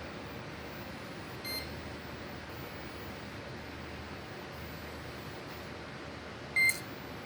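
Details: Tandem t:slim insulin pump during a site change for a child with type 1 diabetes, held up while filling the tubing until insulin reaches the needle tip: quiet room hum with two short electronic beeps.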